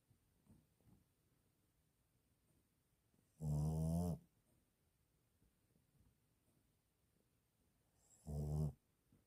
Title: napping and snoring.lol